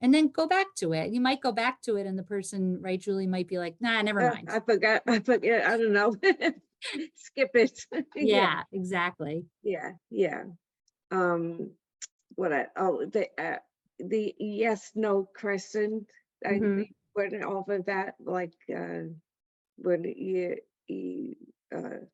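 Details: Adult female stroke survivor with post-stroke aphasia who attends an aphasia center; aphasia.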